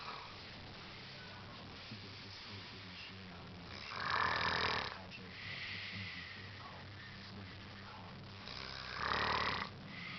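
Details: Two loud, rough, gurgling snores about five seconds apart, roughly 12 breaths a minute, with quieter breathing between: snoring during sleep.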